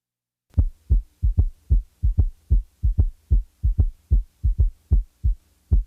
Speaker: the following example demonstrates an s3 in a patient manifesting congestive heart failure since the heart rate is rapid one of the first compensatory mechanisms of failure one has the impression that there are three sounds with each cardiac cycle